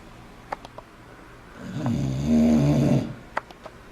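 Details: English bulldog snoring: one long, loud rattling snore on a breath, with faint clicks before and after.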